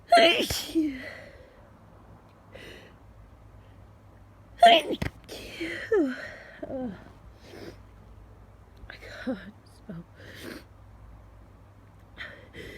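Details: Person woken at 5 am, sneezes stifled where possible; two sharp sneezes, each after a quick intake of breath, with quiet sniffing and breathing between in a small room: repeated sneezing.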